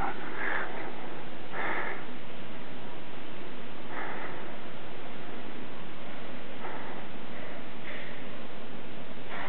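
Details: Baby panda with hiccups that can't seem to get comfortable: short, sharp nasal snorts recurring irregularly over a steady background hiss.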